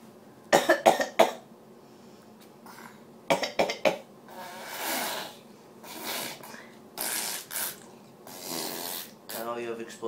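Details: Child copying his dad's coughs: two clusters of short, sharp cough-like bursts with breathy sounds between, an imitated cough rather than a real one.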